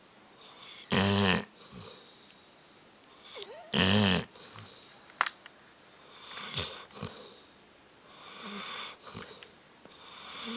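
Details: Dog snoring loudly in a quiet room: rough snores on in-breaths with softer breathing sounds between, recorded on an Android phone.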